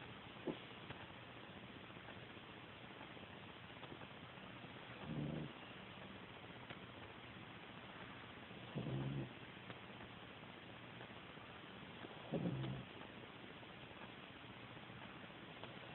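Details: Sleeping cat snoring: soft low snores about every three and a half seconds over steady background hiss.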